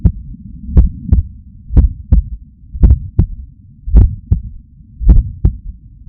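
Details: Adult's own heart sounds, recorded with a Stemoscope stuck to the chest under the shirt after waking up stressed: clear, steady lub-dub at about 55 beats a minute, strong and regular, no murmur: normal heart sounds.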